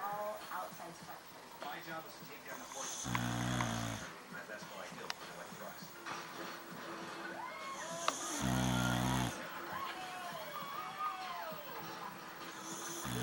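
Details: Two loud buzzing snores heard over talk, music and TV sound effects. They are captioned as a Boxer dog snoring loudly during a movie, but the sound may come from a cartoon character in the episode.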